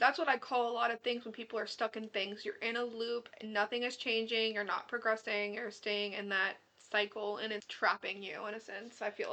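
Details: Adult woman speaking; ordinary speech.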